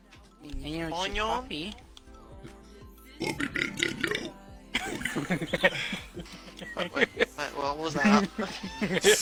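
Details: Burp compilation from a live stream: several long, loud, rumbling voiced belches over background music; burping.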